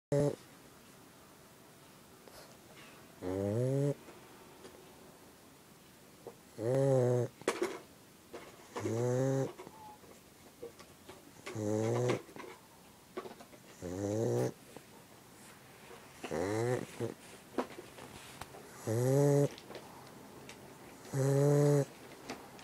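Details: A sleeping pug gives rhythmic, buzzing, slightly musical snores, about 24 a minute, in a quiet room.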